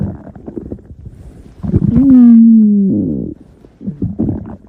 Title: Stomach Growling!